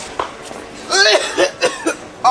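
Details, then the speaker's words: Adult deliberately forcing coughs for a coronavirus prank: several short cough bursts mixed with voice, acted rather than illness-related; says forcing it made his throat hurt. "I was coughing this whole time because I was not coughing and I was like forcing myself to call so it's making my throat hurt right now"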